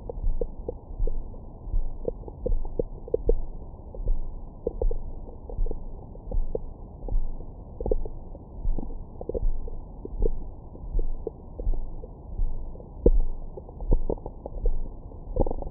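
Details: Active bowel sounds from the recorder's own belly after a large meal, recorded with a Stemoscope stethoscope microphone: continuous low rumbling, frequent gurgles and small squeaks over a steady rhythmic thump.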